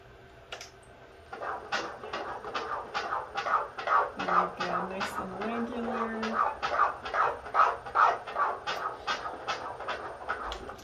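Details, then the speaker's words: Rapid, regular whooshing Doppler pulses at 145 beats per minute: fetal heart rate during a 20-week anatomy ultrasound scan taken at 21+1 weeks of pregnancy. "see what that rate is wow this is so scientific heart rate's at 145 beats per minute"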